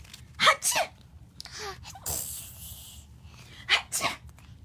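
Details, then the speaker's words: Baby repeatedly sneezing: several small, sharp sneezes with a soft breath between them and faint room noise; ordinary infant sneezing. "Oh my goodness. Just sneezed on the pizza. Oh. There she is. Hi, Mommy sneezes."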